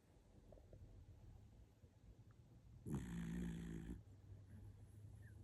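One low, rumbling snore on a breath in from a sleeping dog, with quiet breathing before and after.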